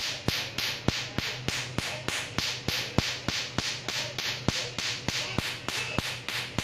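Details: Tattoo removal laser pulses: rapid, regular sharp snapping clicks, about 100 a minute, each followed by a brief hiss.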